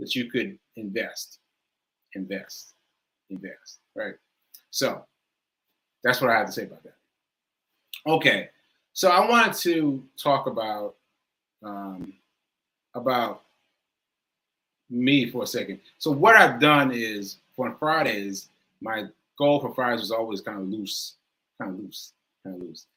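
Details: Male with aphasia, which he says is affecting him today, losing track of his point; word repetitions; aphasia.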